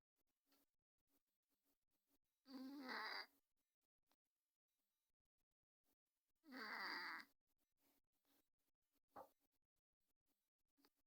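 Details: Sleeping cat recently recovered from an upper respiratory tract infection with stuffy nose and weeping eyes, treated with nasal drops; two rough, noisy snoring breaths about four seconds apart, roughly 15 a minute, with faint clicks between.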